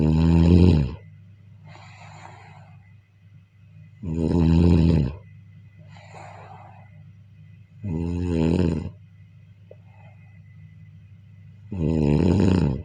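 Loud, rough, rattling snores with quieter breaths out between them, about 15 breaths a minute, over a faint steady room hum.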